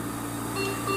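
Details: SERVO-i ventilator in volume control (PRVC) during a training demo: steady electronic alarm tones over continuous machine hum, a pressure-limited alarm when pressure rises to the upper limit minus 5 cmH2O yet the set tidal volume cannot be delivered.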